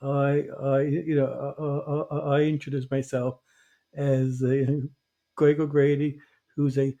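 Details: Adult who stutters, a covert stutterer for many years; stuttering.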